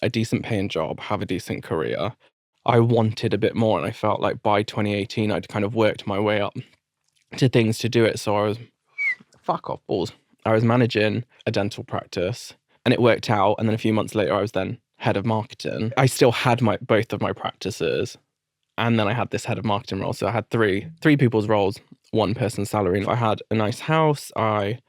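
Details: Adult man with adult-onset Tourette syndrome, diagnosed after a seizure and a brain tumour in 2019. Involuntary vocal tics include offensive language, and he also has a residual stammer.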